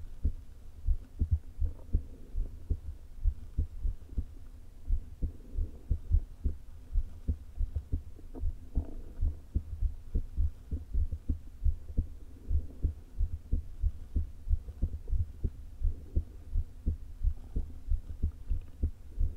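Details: Fast heartbeat with irregular spacing and a soft whooshing hum through a low-placed stethoscope, in a woman with atrial fibrillation and a leaking heart valve, recorded days before her open heart surgery; atrial fibrillation with valve regurgitation.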